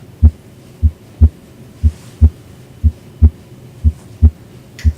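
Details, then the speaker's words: Cardiac exam of an adult male patient lying back, stethoscope at the aortic area (second right intercostal space): clear, regular lub-dub at about 60 beats a minute with no added sounds; normal first and second heart sounds. "and i'm going to listen in the four primary areas the aortic area or second right intercostal space"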